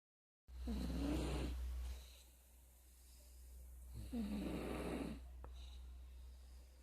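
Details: Snoring: two slow, rough rattling snores on the in-breath with a quiet gap between, over a steady low hum.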